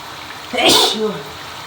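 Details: Single sharp sneeze with a brief voiced tail over running shower water, in a person with a cold; sneeze.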